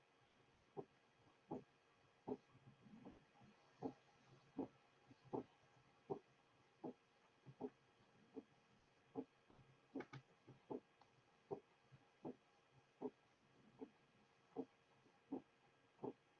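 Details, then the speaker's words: Paradoxically split second heart sound, split audible in expiration and narrowing or single in inspiration, heard best at the left base with the diaphragm chest piece. "The split will be audible during expiration, and the second sound splitting will be narrow or become single during inspiration. The paradoxically split second sound is heard best at base left, with the diaphragm chest piece."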